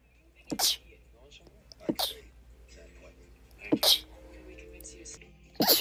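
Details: Four sharp, rapid, hissing sneezes from a short compilation of sneezes, with faint talk and music in the background.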